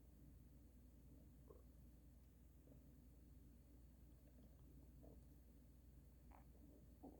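Low, continuous abdominal rumbling with scattered short gurgles: loud stomach noises, a normal sign of gut movement.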